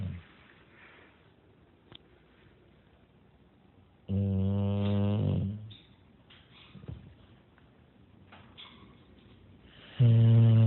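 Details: English Bulldog snoring while asleep in a dark room corner: deep, buzzing snore lasting a couple of seconds, a quiet gap, then another loud snore.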